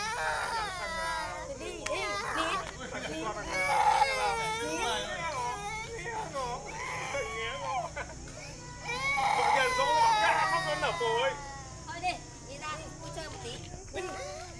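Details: A young child's tantrum cry after the mother refused a supermarket trip: loud, wavering wails and sobs broken by catching breaths.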